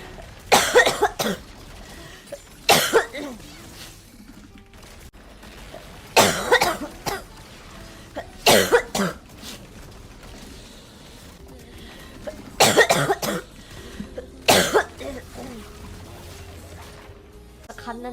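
About six bouts of coughing, each a quick series of two or three coughs, over soft background music.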